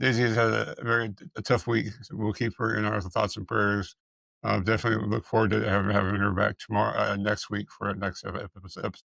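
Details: Dysarthria and dysphonia in a speaker who appears to have multiple system atrophy, with evaluations showing vocal cord paralysis and vocal fold dysfunction; the speaker reports being unable to pronounce a word.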